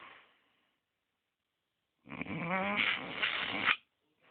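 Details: Snoring from a sleeping creature mistaken for a stray dog: a single rough, buzzing breath with a fluttering rattle, set between quiet stretches.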